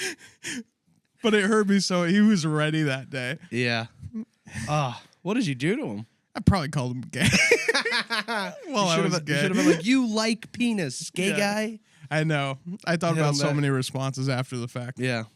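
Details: Adult speakers in casual conversation; ordinary conversational speech.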